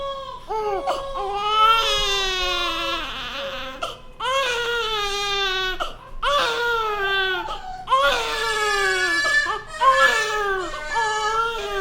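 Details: Newborn baby crying: loud, high-pitched repeated long wails separated by brief gasping breaths.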